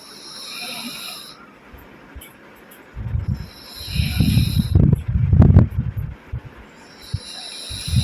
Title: Asleep Snoring sound of pug puppy TOM -original #shortsvideo #shortsfeed